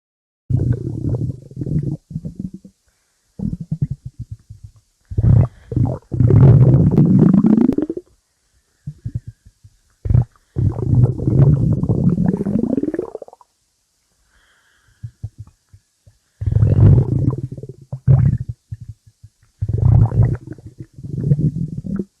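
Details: Stomach growling (borborygmi): loud, low gurgling and rumbling in irregular bursts, typical ordinary bowel sounds.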